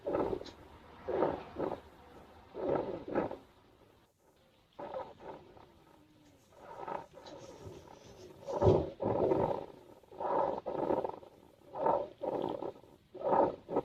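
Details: Wild hedgehog snoring while asleep in a garden nest box: rhythmic low rumbling, grunting bursts about 39 a minute with short pauses, first mistaken for pumps running in a greenhouse.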